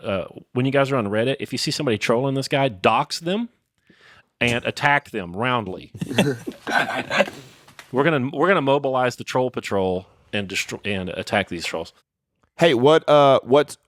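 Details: Adult man speaking; ordinary conversational speech.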